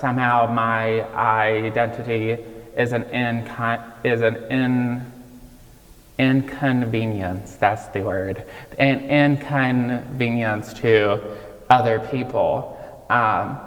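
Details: 26-year-old man with childhood apraxia of speech, diagnosed at age five and nonspeaking until age five; childhood apraxia of speech persisting in adulthood.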